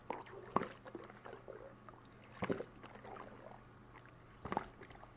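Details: Abdominal gurgling (borborygmi) as a fist presses down on the stomach after a long bowel movement: a few short gurgles and squelches, three louder bursts in five seconds, in a quiet room.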